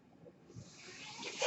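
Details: A soft, rising airy hiss building to a louder rush at the end: one breath from the speaker's own mechanical ventilator, heard while he talks on a podcast.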